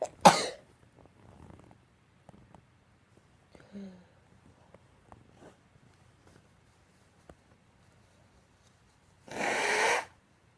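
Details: Person who says they are still sick: two explosive sneeze-like bursts, one at the start and a longer one near the end, with quiet snuffling between.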